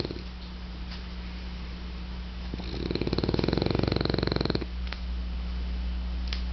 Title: French Bulldog Snoring